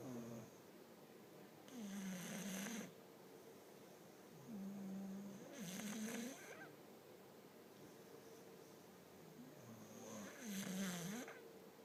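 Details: Two bully-breed dogs napping on a couch in the afternoon, with rhythmic snoring of three snores about every four seconds (about 15 breaths a minute) over a steady background hum.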